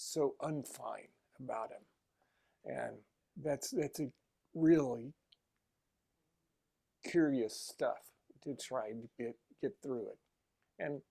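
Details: Adult male aphasia group member preparing for his first election; aphasia.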